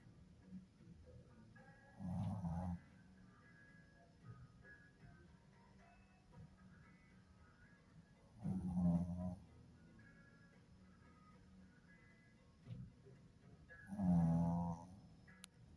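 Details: Male pet dog Pip, who snores often, sleeping: three slow, rumbling snores spaced several seconds apart with quiet room noise between; ordinary snoring.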